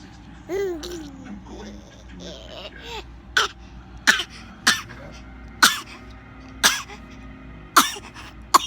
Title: Fake coughing 4 month old.